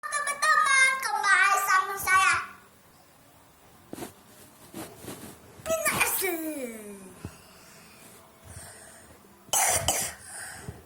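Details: Bursts of voice broken by a few short, sharp coughs while a person talks while making video content, with quiet room sound between; plain coughing.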